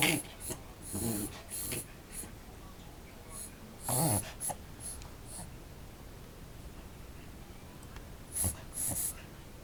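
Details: Large toy poodle's reverse sneezing: bursts of loud snorting, honking inward breaths through the nose, repeated in runs. The owner says it looks asthma-like and settles within about a minute.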